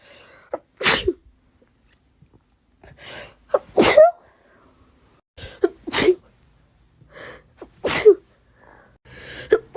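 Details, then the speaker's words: Adult with COVID recording their own sneezes, which they think usually come in threes: four sharp, explosive sneezes spaced a couple of seconds apart, each preceded by a quick audible in-breath, in a quiet room. "got COVID and tried to record when I sneeze. Two. I have COVID. There'll be another. Only two. I've been sneezing in threes, I think."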